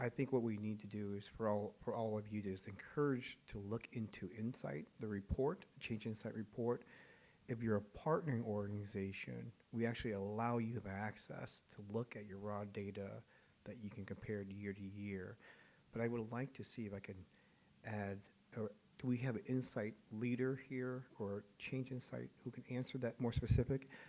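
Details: Adult male speaker; normal voice.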